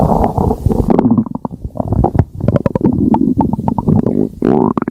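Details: Stomach growling (borborygmi): gurgling, rumbling bursts with squeaky bubbling tones.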